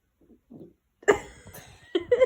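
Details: Toddler: soft breathy sounds followed by two abrupt voiced catches in the throat, fitting hiccups.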